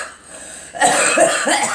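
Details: Cough: three short, loose coughs in quick succession after a quiet start, with faint room noise; a woman and girl coughing.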